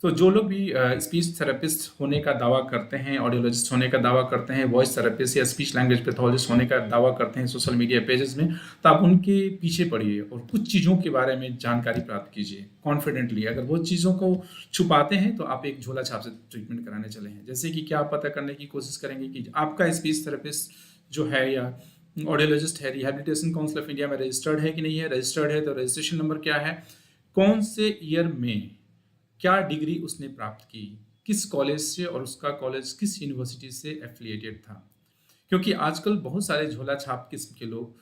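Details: Adult man speaking; typical adult voice.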